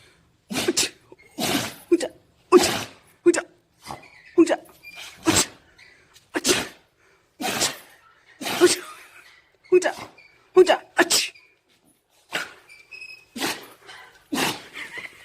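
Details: Dog sneezing: repeated short, sharp nasal bursts, about fifteen over fifteen seconds, in a quiet room; a run of sneezes.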